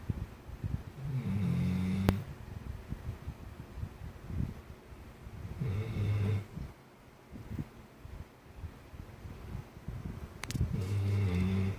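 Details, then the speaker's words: Labrador Retriever sleeping after playing hard and apparently very tired, giving deep, rumbling snores with each breath in a quiet room; dog snoring. "산이 코 골고 자요. 많이 피곤했나 봐요. 신나게 뛰어놀더니 코 골고 자네요."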